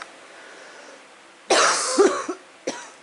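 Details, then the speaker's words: A single harsh cough burst with a short rattly tail and a small follow-up cough in a quiet room from a woman recovering from the flu; cough. "you can hear the camera girl coughing we're getting over we're getting over the flu Bob"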